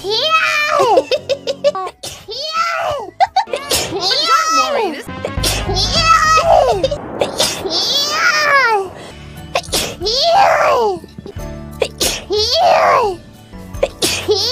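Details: Several sudden, sharp sneezes mixed with high-pitched talking and background music; a sneeze compilation; sneezing.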